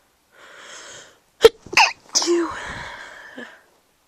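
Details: Sneezes recorded while recovering from a cold, past its peak: a soft in-breath, then two sharp explosive sneezes followed by a trailing voiced exhale.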